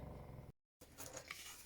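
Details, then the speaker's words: Dog asleep in the sun in its basket, snoring: low, rumbling, rattly breathing broken by a brief silence. "Bon, j'ai mon chien à côté. Hein. Vous entendez ronfler, vous avez l'habitude maintenant. Là, il dort au soleil sur son panier."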